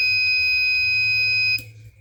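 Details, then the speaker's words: Arduino-based student-project IV infusion alarm on real hardware: the fluid reading has dropped to about 82–80, so the red LED is on and the buzzer sounds continuously, signaling the fluid is nearly empty. "Kita lihat penampakan aslinya, memang cairan sudah mau habis. Ini menandakan bahwa program sudah berjalan dan sesuai dengan perintah-perintah yang di-coding tadi."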